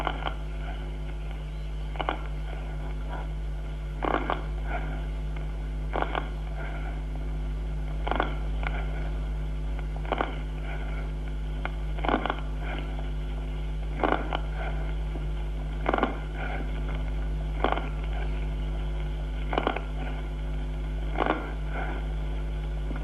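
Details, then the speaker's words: Teaching recording for pneumonia diagnosis: clusters of fine, sharp crackles about every two seconds over soft, hollow tubular (bronchial) breathing; consonant crackles with bronchial breathing. "vamos a oír primero estertores de burbuja fina acompañados de soplo tubario suave a continuación estertores de burbuja mediana y gruesa también con soplo tubario y por fin estertores de burbuja mediana y gruesa soplo pleural y ruidos cardíacos son consonantes escuchemos los"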